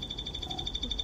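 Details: Steady, high, slightly pulsing electronic tone from an EMG biofeedback unit while the muscle contracts above the set threshold, the patient urged to contract maximally, stronger; demonstration.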